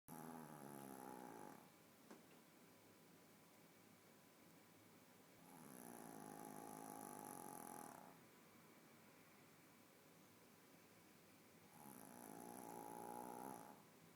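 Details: Three slow, buzzy inhaled snores with quiet pauses, about ten breaths a minute; unclear who is snoring: snoring.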